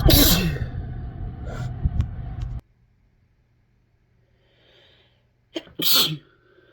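Two forceful sneezes separated by a few seconds of quiet, with a low steady hum in the background; ordinary sneezing.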